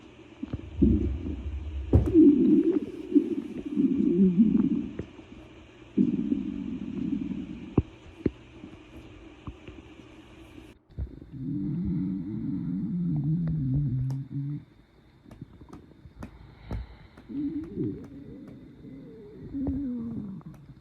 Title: Stomach Growling Compilation